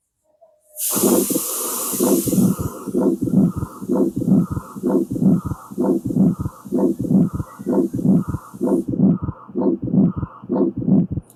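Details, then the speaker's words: Pathological ejection systolic murmur with fourth heart sound, heard as S4, S1, S2 then murmur; ventricle hypertrophied from aortic stenosis-type lesions. "So S4, S1, S_UB_2 and murmur. Okay, that is about uh ejection systolic murmur."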